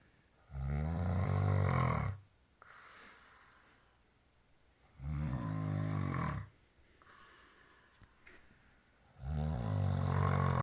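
Three loud, rattling snores on inhalation, each about one and a half seconds, with quiet exhalations between; roughly one breath every four seconds.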